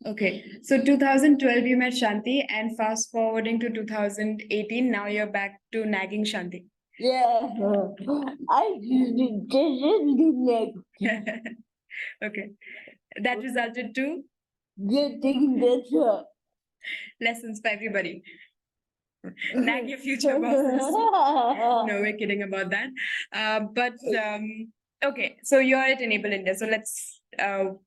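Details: Adult woman, conversational host; normal speech.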